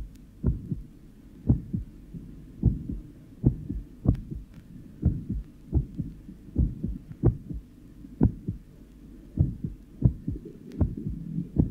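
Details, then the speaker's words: Irregularly irregular heartbeat whose first sound varies from loud to soft beat by beat; 53-year-old man with atrial fibrillation due to thyrotoxicosis. "listen now to the varying intensity of the first heart sound in a 53-year-old man with atrial fibrillation due to thyrotoxicosis"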